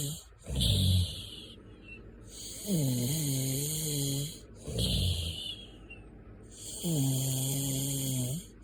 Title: Snoring 4